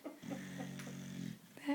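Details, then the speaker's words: One low, rumbling, droning snore from a sleeping small female puppy, very loud for her size; snoring that continues even when she is moved. "would be coming from this little lady puppy she's so cute until you try to get some sleep that's what she sounds like how do you sleep with that you know hey reading you're snoring kind of loud could you stop no okay"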